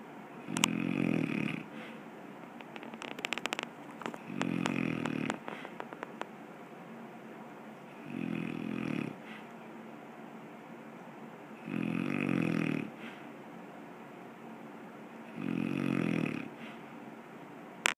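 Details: Person who fell asleep easily: loud, rough snores about every 3.7 seconds, roughly 16 breaths a minute, quiet between; snoring during sleep.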